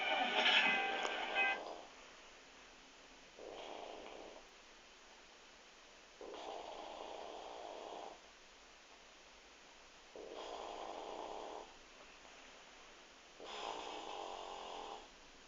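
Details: Mother snoring during sleep: soft, breathy snores repeating about every three to four seconds, roughly 16 a minute, over a quiet background.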